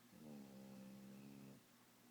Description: My puppies are so sleepy, and Charlie started snoring-3